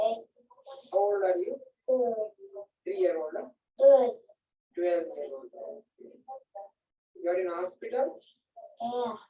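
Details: Cerebellar dysarthria from neocerebellar damage: scanning speech that is slurred, indistinct, prolonged, elongated and explosive, with pauses in the wrong places, indistinct in this example.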